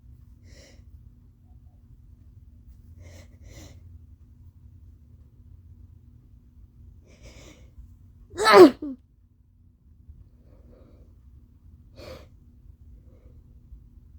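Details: Sneezing in a person with allergies: quiet, breathy inhalations build up to a sharp, forceful sneeze, then quiet breathing.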